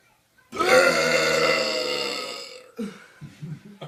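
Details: One long, loud, drawn-out voiced burp lasting about two seconds, then a few softer sounds; deliberate burping reel.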